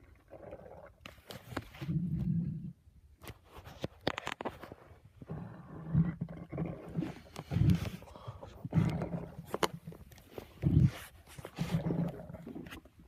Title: My stomach growling in a library